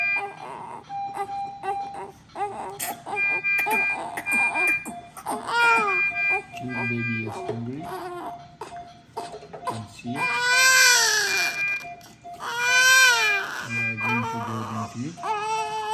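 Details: Newborn baby crying for milk: rising-falling hunger wails with short gaps and calm breathing moments, over steady background tones.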